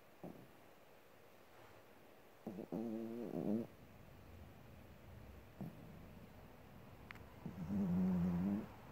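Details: Snoring while sleeping: two low, rattling snores about five seconds apart, with soft snorts and quiet breathing between them in a quiet room.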